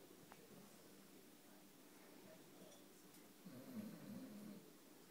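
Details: A sleeping Dalmatian dog snoring: quiet room, then a single low rattling snore lasting about a second as it breathes in.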